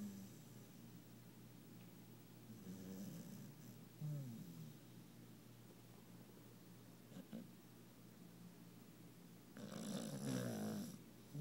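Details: Puppy worn out after a fun day, asleep twisted up behind another dog and twitching, gives soft, low snores and snorting breaths against steady room noise: snoring.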